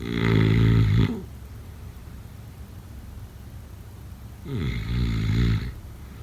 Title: #snoring #sleepnoises #sleepsounds #snoringasmr #snoringsounds #snoringsleepingsoundeffect